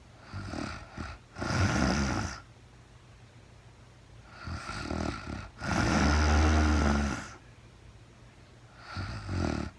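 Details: Woman sleeping, real-time recording: slow, irregular low rumbling snores with quiet pauses between breaths, about 13 a minute; snoring during sleep.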